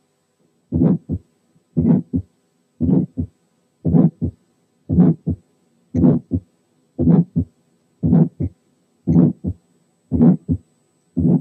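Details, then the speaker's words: Functional ejection systolic murmur over the pulmonary area, as with hyperdynamic circulation or increased pulmonary flow: regular heartbeat near 58 a minute, very short systolic flow murmur, normal second sound. "نسمع مثال للإيجكشن سيستوليك مامر اللي هي فانكشنال على البالمونري"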